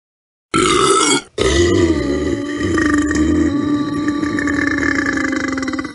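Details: Burping from a royalty-free sound-effects compilation: two loud, drawn-out, deep-voiced belches, the second lasting several seconds.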